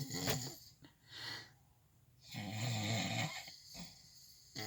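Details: Loud, rattling snoring on the in-breath with quieter gaps between snores, recorded at night from inside a truck while a man sleeps nearby.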